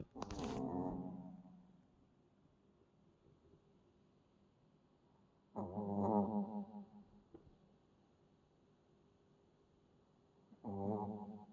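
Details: Shih Tzu puppy snoring while asleep: three soft, drawn-out snoring breaths about every five seconds, roughly 12 a minute, with quiet pauses between.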